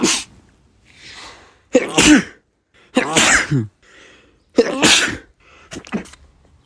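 A run of about five forceful sneezes, each a sharp noisy burst, some with a brief breath beforehand.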